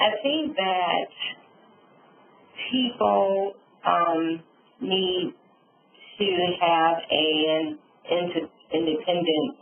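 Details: Adult woman, real stroke survivor, with aphasia and apraxia after a subarachnoid hemorrhage and stroke; she reports sometimes being unable to think of the word; aphasia with apraxia of speech.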